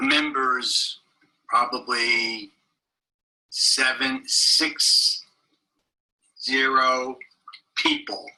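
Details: Adult man seven years after a stroke; non-fluent Broca's aphasia with laborious speech, very short utterances and difficulty producing sentences, comprehension preserved; Broca's aphasia.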